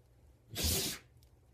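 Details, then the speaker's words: Dog sneezing, owner suspects something up his nose: a single sharp, hissing burst of air out through the nose; one sneeze. "got something up your nose."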